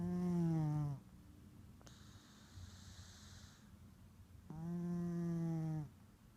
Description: Snoring cat - orange tabby takes a big nap